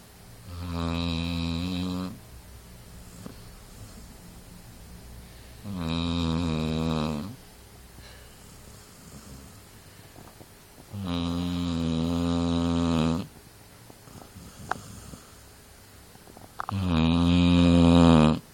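Four loud, buzzing, rattling snores on breathing in, about 13 breaths a minute, with quiet pauses between; snoring in a sleeping dog.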